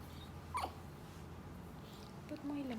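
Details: Hiccups: quiet room noise with a brief sharp catch near the start and another short sound near the end.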